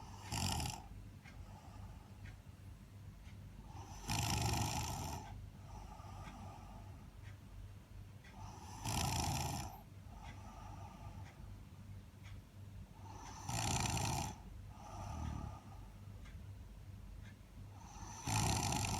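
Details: Overtired person snoring: loud, rattling snores on each breath in, about 13 a minute, with quieter breathing out between them: snoring.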